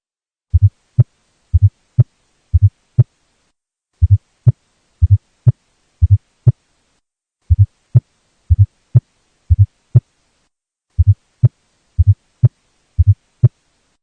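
Clean low-pitched heart sounds at about 51 beats a minute, with an extra soft sound just before each first sound: a fourth heart sound gallop.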